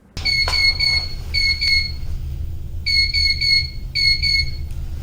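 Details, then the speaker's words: High priority alarm on a Bio-Med Devices TV-100 transport ventilator, signalling a mechanical, electrical or software failure that may make it inoperable, with the alarm button flashing red at 2.0 Hz: repeating groups of rapid high-pitched beeps over room hum. "high priority alarms are indicated by flashing the alarm button red at a frequency of 2.0 hertz and will make this noise"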